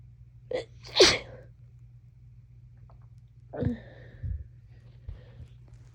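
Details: Person with a cold, very congested: two sneezes, the first with a quick double onset, then a sniff and faint breaths over low room hum; itchy, snotty cold sneezes.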